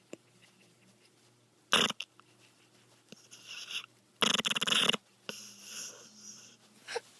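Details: Dog asleep in the owner's arms, snoring and snorting: harsh, raspy snorts and hissing breaths in irregular bursts.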